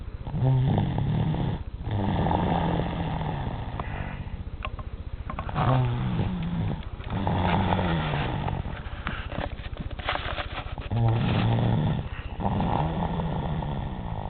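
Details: 3-year-old child snoring loudly enough to wake a parent at 4:30 in the morning: loud, harsh, rattling snores on each breath in and out, about four breaths in fourteen seconds.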